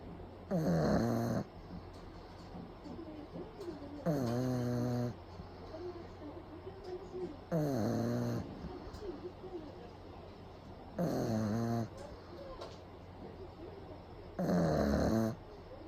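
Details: Pug napping with eyes rolled back, recorded close up: loud, rattling snores at about 17 per minute, each a long harsh buzz with quiet breathing between; snoring.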